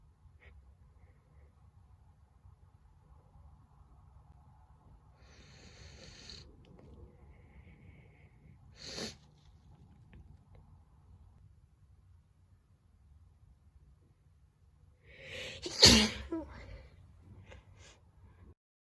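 Soft sniffs and a small sneeze, then one louder explosive sneeze, in a quiet room; ordinary sneezing.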